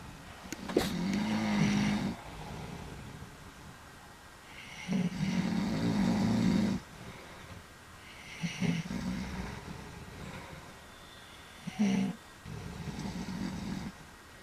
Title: Three Old Men Snoring